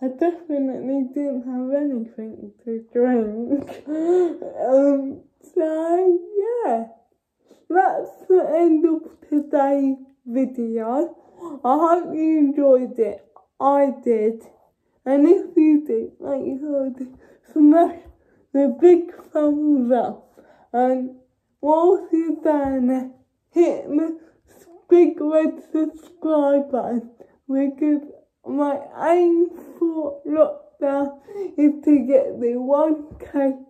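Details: Young woman with cerebral palsy: dysarthric speech associated with cerebral palsy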